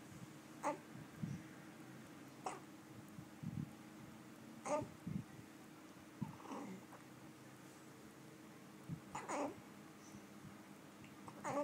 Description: Hiccup baby 3 mths